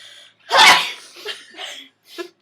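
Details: One loud explosive sneeze followed by short breathy after-sounds: a deliberately provoked sneeze from someone doing a sneezing challenge amid laughter.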